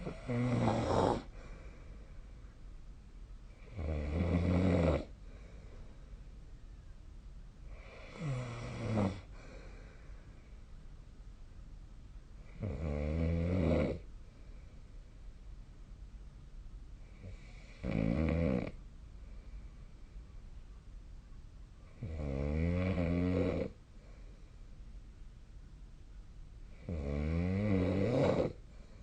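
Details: Snoring during sleep: loud rhythmic snores recurring about every four to five seconds, roughly 13 per minute.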